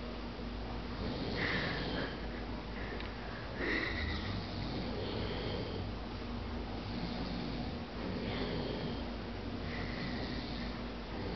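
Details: Recurring nasal snorting over a steady low rumble, with louder noisy bursts every few seconds, from a man asleep in a recliner: snoring.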